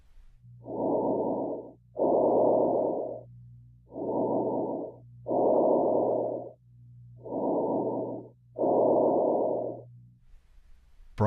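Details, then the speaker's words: Bronchial breath sounds during an OSCE-style thorax and lung auscultation on a real patient; abnormally located bronchial sounds prompt assessment of transmitted voice sounds. "If you hear abnormally located bronco vicicular or bronchial breath sounds, assess transmitted voice sounds."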